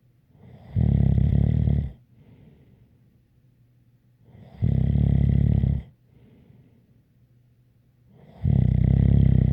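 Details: ASMR snoring recording with a light whistle: deep, loud, regular sleep snores about every 3.8 seconds, roughly 16 breaths a minute, each followed by a faint breathy out-breath.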